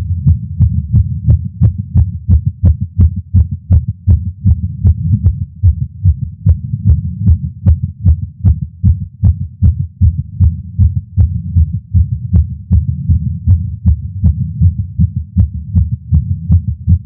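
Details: Male's heartbeat recorded with a Stemoscope while smoking a cigar after not smoking for a while, feeling lightheaded: rapid, steady heartbeat around 150 to 160 beats a minute over a loud continuous low hum; tachycardia after nicotine.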